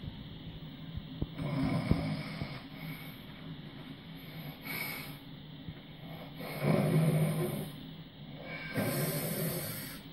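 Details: Sleeping adult snoring heavily: rough, loud snoring breaths rising and falling every few seconds over room noise and hiss; loud snoring.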